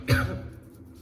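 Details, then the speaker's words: Adult woman gives a single soft, muffled cough, then quiet room sound. "Sorry കേട്ടോ, ചുമയ്ക്കുന്നുണ്ട് ഞാൻ."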